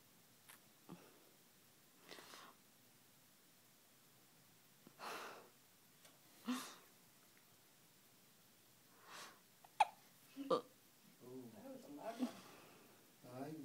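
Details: Young child with hiccups: soft, brief, catch-like bursts recurring irregularly every few seconds in a quiet room, with some child vocalizing.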